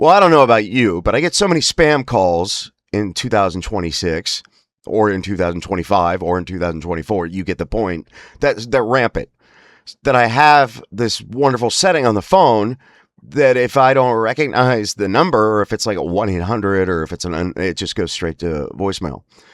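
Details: Man with spasmodic dysphonia (laryngeal dystonia); he says emotional stress and an unregulated nervous system make his voice spasms much worse, especially on phone calls: spasmodic dysphonia.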